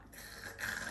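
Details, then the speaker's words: Benign scapular crepitus as the arm is raised and moved; soft gritty crackling like steps in fresh snow from the shoulder blade, explained as fascia adhesions loosening. "Et quand vous bougez votre corps, des fois, notamment au niveau des omoplates, on l'entend bien, ça fait... Voilà."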